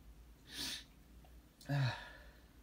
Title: A few wet hitchy horny morning sneezes (male)